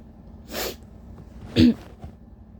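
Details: Tired person with allergies, tissue-induced uncovered sneeze: a breathy intake buildup followed by one loud, explosive sneeze in a quiet room.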